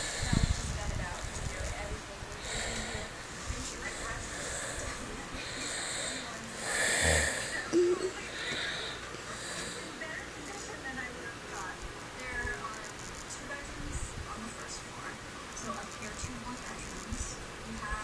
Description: Wife records husband snoring while he sleeps